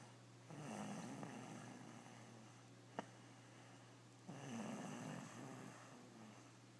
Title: Snoring little girl